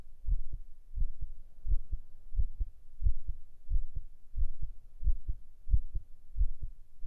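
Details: Binaural ASMR heart-sound recording: steady paired lub-dub thumps at about 90 beats a minute in a regular rhythm; a normal heartbeat.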